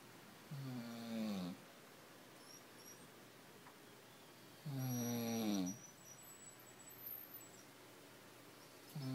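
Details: Snoring, said to be one snorer teaching another: two long, vibrating snores about four seconds apart, each falling slightly in pitch, with quiet between them.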